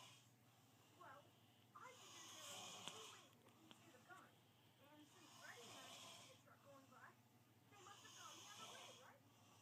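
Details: Hard snoring recorded on an iPhone: loud, rough snoring breaths about every three to four seconds, each with a hissing, rattling quality.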